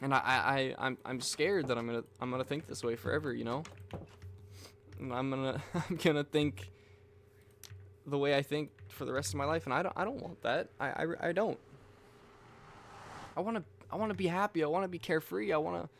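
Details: Adult man with self-reported stuttering: frequent word and part-word repetitions, especially on "I", and repeating the same phrases over and over.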